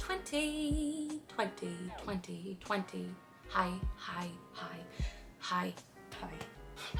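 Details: 23-year-old woman with Tourette syndrome, described as having become milder, producing a run of repeated word vocal tics; vocal tics (Tourette syndrome).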